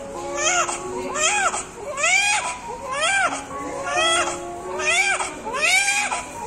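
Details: Newborn baby with a big umbilical cord, immediately after birth: rhythmic, strong, high-pitched first cry, about one cry a second; a vigorous, normal sign.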